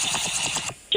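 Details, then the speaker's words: A sleeping girl, recorded at home in the morning by her mother, breathes with rapid wet, rattling clicks, slurping like sipping hot tea, from heavy nasal and airway congestion. "is congested super congested right sounds it sounds like somebody's like sipping tea"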